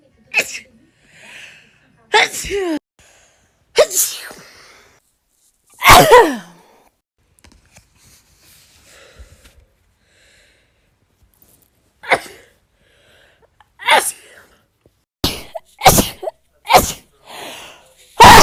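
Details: Compilation of rapid sneezes: a string of about a dozen sharp sneezes, several in quick bursts, with short in-breaths and pauses between.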